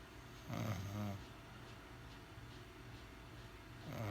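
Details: Woman snoring nightly and waking the household: a low, rattling snore on one breath, then quiet breathing before the next snore, in a quiet room.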